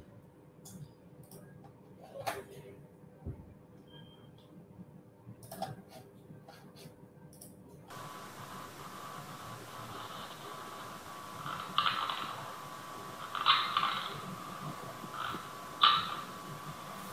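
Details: Faint, raspy grinding bursts against steady room hiss, recorded during a polysomnography sleep study: sleep bruxism (teeth grinding).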